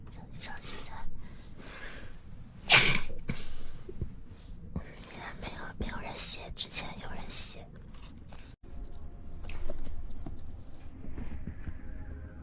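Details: Chinese girl with an allergy giving a wet sneeze: a quiet indrawn breath, then one sharp explosive sneeze, followed by soft breathing and sniffling in a quiet room.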